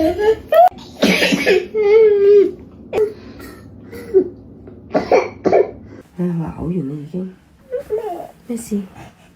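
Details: An infant on day 2 of a hospital stay gives a few harsh, noisy cough bursts mixed with fussy whimpering cries, with soft voices in a small room.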